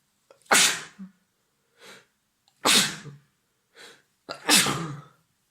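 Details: Adult man with cat allergy, evening sneezing fit after visiting family cats: three explosive sneezes in quick succession, each followed by a short breath in, with sniffling and sore throat: allergic sneezing.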